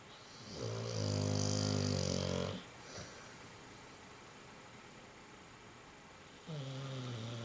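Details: Dog snoring: two loud, rumbling, buzzy snores about six seconds apart with quiet breathing between; snoring.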